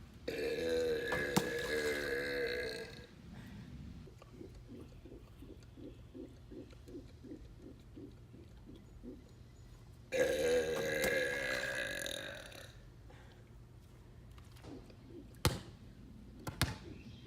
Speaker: here, and today I'm doing pool basketball burps. We're gonna shoot a bunch of 3-pointers.